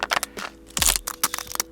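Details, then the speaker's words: Joint cracking (crepitus): a series of sharp clicks and pops, like knuckles or joints cracking, in a quiet room; cracky joints not necessarily a concern, possibly linked to too little daily movement. "you while cracky joints are not necessarily a cause for concern it could also mean that you're not getting enough movement in your day"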